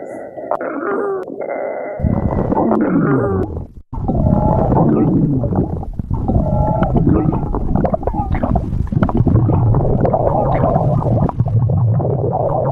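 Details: Long, low gurgling rumbles with squeaky, whining pitch glides, running almost continuously with one brief pause, from an adult woman's stomach: stomach growling (borborygmi).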